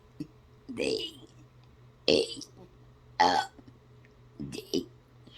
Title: Burping ABC's #abc #burping #abcsong #kids #silly